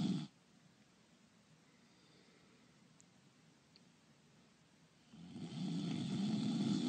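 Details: Voice-over imitation snoring for an animation: a performed snore, a short rough breath, a long pause, then a louder rattling inhaled snore; simulated snoring.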